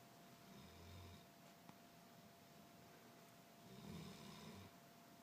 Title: Cody snoring